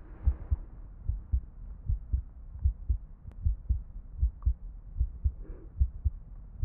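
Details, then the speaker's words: Simulated role-play ICU night-nurse routine exam of an awake patient: stethoscope on the chest picks up regular low paired lub-dub beats, about 75 a minute; lungs then called nice and dry; normal heart sounds. "Well, Perfect because I need to do our routine exam it's definitely easier when you are awake and I don't have to wake you up. I thought I had a hair. How are you feeling? That's okay. You don't have to answer me. I just need to listen to your chest."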